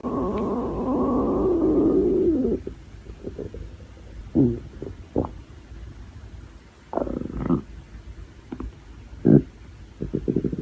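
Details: Hungry young woman's stomach: a long rumbling gurgle followed by softer bubbling and clicking gut noises; hunger stomach growling (borborygmi).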